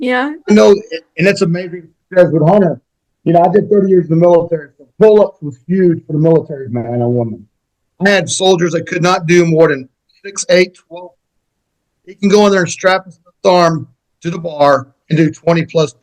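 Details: Adult male speaker; Normal speech.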